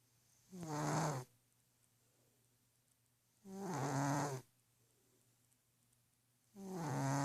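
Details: Sleeping orange cat on the pillow, keeping owner's wife awake: loud, buzzing, low-pitched snores about every three seconds, roughly 20 a minute, with quiet pauses; ordinary snoring.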